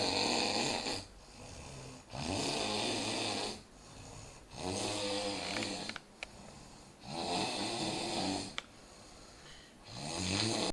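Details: Loud, rattling snores repeat about every two seconds, with quieter breathing between them, from a sleeping adult roommate: snoring.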